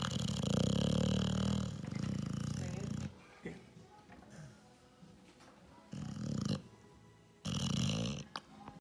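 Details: Dog asleep in a chair after chasing toy cars, snoring very loud: low rumbling snores in bursts with quieter pauses and faint background music; snoring.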